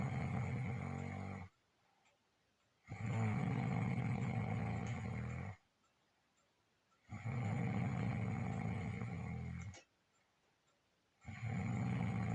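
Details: Husband's snoring during sleep: steady, deep, rattling snores on each breath in, with silent pauses between; about three snoring breaths in twelve seconds.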